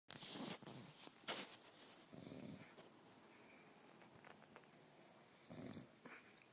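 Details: Sleeping pet snoring: soft, rough breathing noises every few seconds against quiet room noise, with some brief sharper sounds early on.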